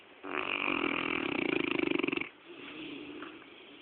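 A single long, rattling, fluttering snore from a sleeping large dog, followed by a quieter breath.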